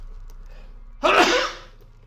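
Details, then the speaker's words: Adult gamer sneezing while joining voice chat: a single loud, sudden big sneeze bursting out of quiet room noise and fading within half a second. "oh my God I got in Discord and I had to sneeze how's it going man that was a big sneeze"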